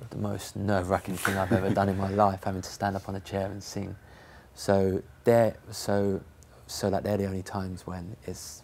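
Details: Stammering in an adult male professional footballer who says he sometimes starts a word and then switches it for another.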